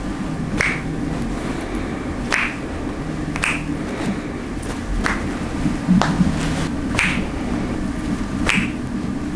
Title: Chiropractic treatment cracking (therapy) Цаг авах утас: 85222226